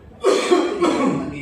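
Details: Acted cough for a comedy parody sketch ("not allowed to cough", COVID parody): two harsh voiced cough bursts from an adult in a small room.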